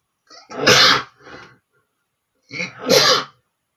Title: sneezing male #3 (the long video)